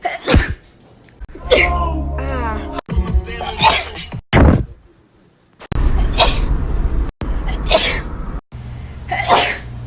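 A run of separate sharp sneezes, some with a short spoken exclamation, over background music; ordinary sneezes.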